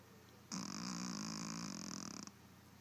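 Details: Maci snoring: a single rough, fluttering snore lasting under two seconds on one breath, with a low rattling vibration and an airy hiss over quiet room noise.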